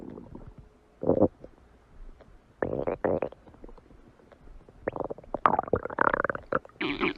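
Bursts of gurgling, bubbling rumbles come and go, some long and rolling; ordinary stomach growling from gas and fluid moving through the gut.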